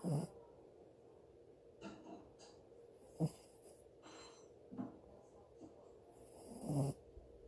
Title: Cute puppy snoring! #sleepypuppy